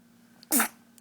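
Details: A single small, sharp, high-pitched sneeze from a baby girl in a quiet room.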